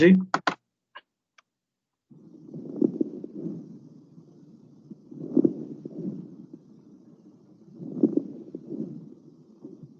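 Breath sounds cycling about 23 times a minute, with low-pitched, wet popping through both breathing in and out: coarse crackles. A few clicks come first.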